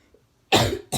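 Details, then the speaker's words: After a quiet moment, one forceful, harsh cough from a person with a persistent cough since October, worse again despite prescribed and allergy medication, with chest pain; a second cough begins. "people are freaking out and I'm coughing a lot and it's like I'm frustrated my chest hurts I'm trying to hang in there"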